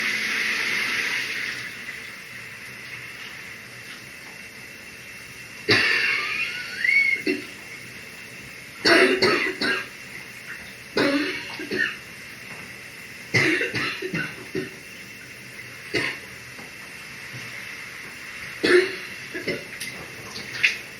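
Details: An adult coughing harshly and repeatedly with throat clearing while taking a morning shower, with running water in the background. Cough.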